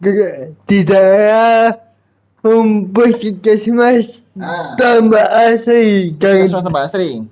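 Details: Dysarthric speech in an adult man with a cerebral palsy disability and intact thinking, speaking Indonesian.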